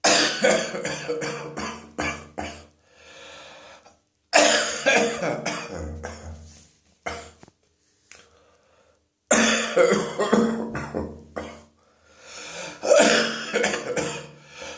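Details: Adult with a throat infection; bouts of loose, rattling coughs with gurgling mucus sounds: wet cough.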